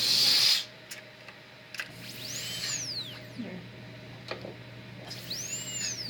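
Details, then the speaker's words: Slow-speed dental handpiece being tested during root canal assisting setup: brief hiss of air and whirring with squeaky rising and falling tones and room noise. "so you always want to make sure that you put them on test them on your slow speed which is this one"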